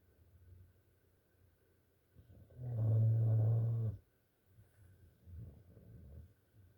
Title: Pitbull Snoring